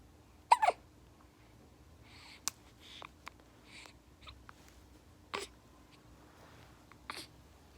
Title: Hiccups 😖